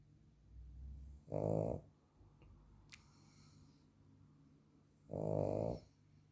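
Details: Female dog snoring, not at her loudest: two deep, buzzing snoring breaths about four seconds apart, with quieter breathing between.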